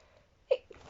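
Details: Female reader sneezing while reading a story aloud: one quick, soft, stifled sneeze burst in a quiet room.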